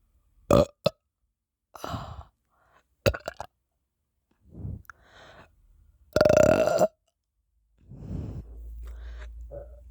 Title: I can't stop burping...